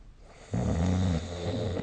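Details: Snoring recorded with the SnoreLab app: one loud, low, rattling snore on breathing in, lasting over a second.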